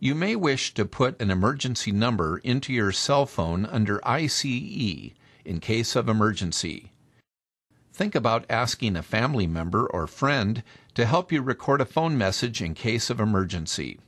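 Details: Adult male narrator; ordinary speech.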